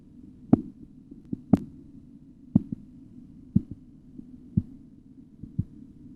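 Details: Blood pressure measurement auscultatory tutorial: regular sharp tapping beats about 60 a minute over a steady low hum; Korotkoff sounds.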